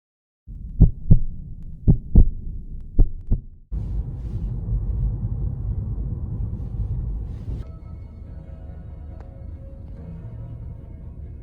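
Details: Fetal heartbeat on Doppler at about 4–6 weeks of pregnancy, the first time hearing it: a few sharp probe thumps, then a whooshing, pulsing signal with steady static.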